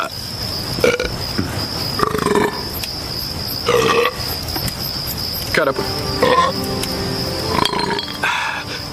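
Several loud, drawn-out belches replayed from film and TV scenes, with music and dialogue behind them.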